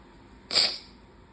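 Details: A single sharp, hissy sneeze burst in a quiet room on a high-pollen bad allergy day with the window open; allergic rhinitis sneeze.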